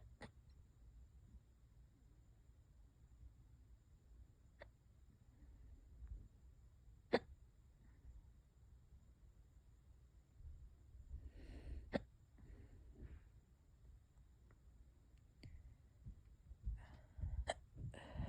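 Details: Hiccups that have lasted for hours and keep getting worse: sharp, brief hiccups recurring irregularly every few seconds in a quiet room, with faint breathing between.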